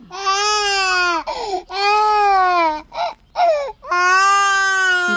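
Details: Infant crying loudly in sustained tonal wails, long bursts with brief catches of breath between them.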